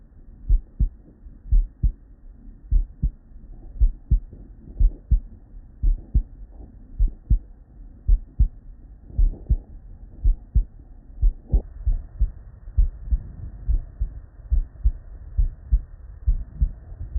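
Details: Real, unedited bedside recording from a human with normal cardiac physiology: steady paired lub-dub at about 100 a minute with light background hiss, normal first and second heart sounds.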